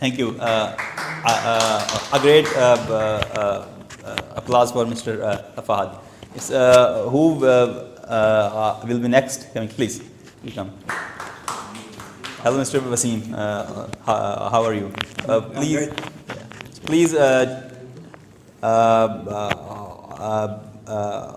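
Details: Adult male who has stammered since age two, giving a speech at a stammering-support public-speaking session; stuttering.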